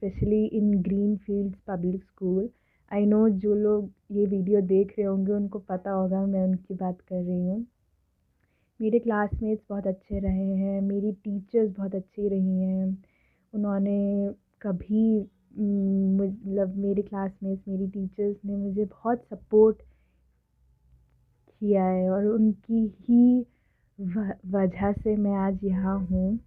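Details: Adult woman who has stammered since early childhood, speaking Hindi and English; stuttering.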